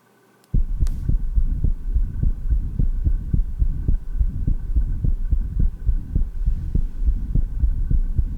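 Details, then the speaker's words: Stethoscope at the lower left sternal border in a patient with atrial septal defect: fast, low heart sounds with a normal first heart sound and a low diastolic rumble from flow across the tricuspid valve. "now listen to a recording made in a patient with an atrial sepal defect with the stethoscope at the lower left sternal border note the normal first heart sound and also the diastolic Rumble heard across the tricuspid vest"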